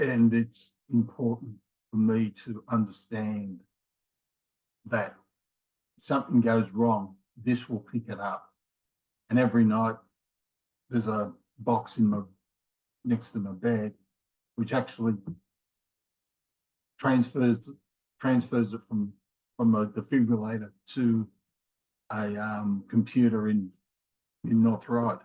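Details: Mild aphasia in a man in his late 50s after a left-sided ischemic stroke in January 2020, with difficulty finding words and getting them started; he also has a history of multiple heart attacks and rheumatoid arthritis.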